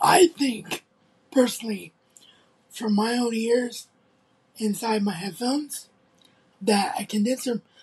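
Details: Adult male content creator with cerebral palsy who reports little trouble speaking, recorded on a phone; dysarthric speech in cerebral palsy.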